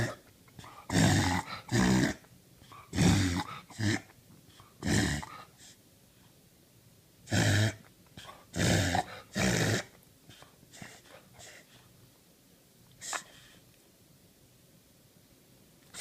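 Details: A dog makes repeated harsh, snorting noises in short clusters; the owner suspects reverse sneezing.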